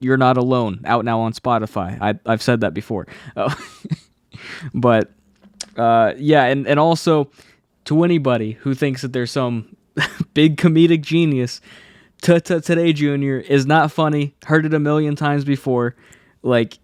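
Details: Adult male who has stuttered since childhood; a specialist's help was temporary, and he says anxiety makes it worse; stutters are left unedited in this recording; stuttering.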